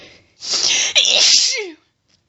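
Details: Female attempting to hold back sneezes during a sneeze fit, with hitching and build-ups and a still-itchy nose; one loud, forceful sneeze with a sharp explosive burst and trailing breathy release.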